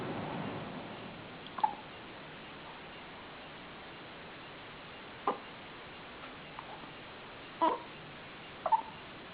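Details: Infant hiccuping in a bassinet: soft, irregular short catches of breath, about four in nine seconds, over quiet room noise; hiccups.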